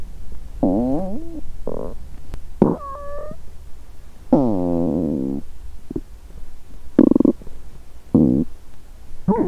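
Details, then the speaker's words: Adult woman fasting over 17 hours, period due that day with bloated abdomen: several gurgling, squeaky and groaning rumbles with rising or falling pitch between quiet gaps, hunger stomach growling (borborygmi), a normal finding. ""But I think the sound of hunger will growl more". On this day, I heard the cry of various animals."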